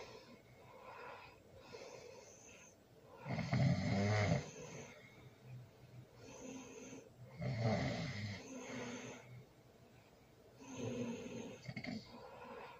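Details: Loud snoring during sleep, recorded with a baby present: rough, rattling snores on each breath in, about every four seconds, with quieter breaths out between; heavy snoring.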